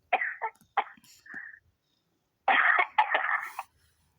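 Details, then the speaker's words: Voicemail from a mother with two short bursts of dry, hacking coughs and throat clearing in a quiet room; she says it is just a tickle in her throat and there is no need for concern. "I just got a tickle in my throat. That's all it is. No need to concern"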